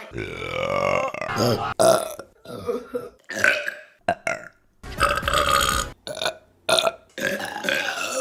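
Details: Repeated deliberate burping for a compilation: loud, drawn-out belches in quick succession, some with voiced, word-like tones, and brief gaps between them.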